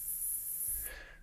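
A steady, high-pitched hiss plays and then cuts off: tinnitus masking noise used in sound therapy.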